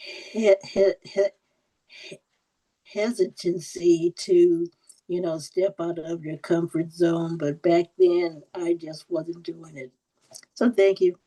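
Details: Adult woman who stutters, with audible repetitions; stuttering.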